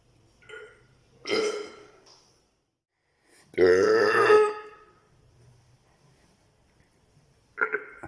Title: Eructos, burps